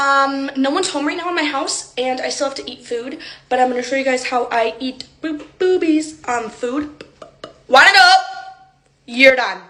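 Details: Person with Tourette syndrome whose speech is interrupted by involuntary swearing and insult tics: vocal tics with coprolalia (Tourette syndrome).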